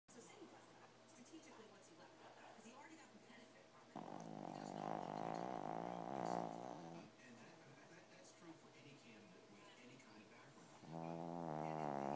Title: Snoring Dog